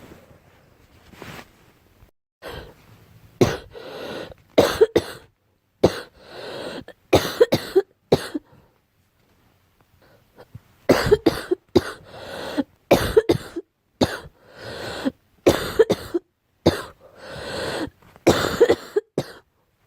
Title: Girl coughing 334